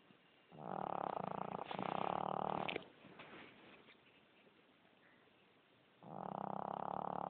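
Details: Overweight sleeping dog: loud, rough, rumbling snores in long drawn-in breaths with quiet pauses between; snoring.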